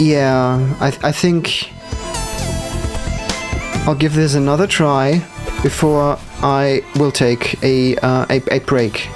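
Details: Stuttering with audible word repetitions in a man who says it appears when he must concentrate hard, especially on actions not yet in muscle memory.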